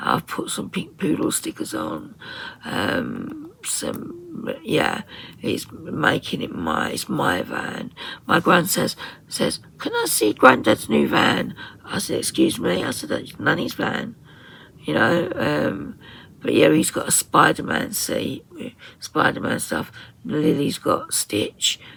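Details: Woman with muscle tension dysphonia (very tight, stressed muscles around the vocal cords), also affecting swallowing, severe at times, attending speech therapy.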